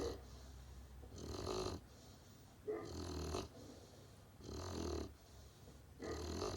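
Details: Great Pyrenees puppy snoring in sleep: regular rough snoring breaths, about four in six seconds, with a low rumble on each breath.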